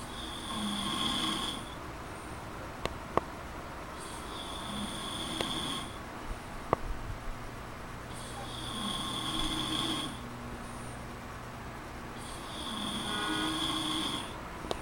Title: I Don't Snore!